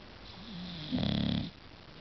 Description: english bulldog snoring